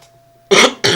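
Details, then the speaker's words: Two quick, dry coughs after near silence from an adult speaker who says they are starting to get sick. "Csak azért mondtam be, hogy ha hallottátok, hogy köhögök, hogy akkor esetleg aki megkérdez, de hogy melyik köhögsz."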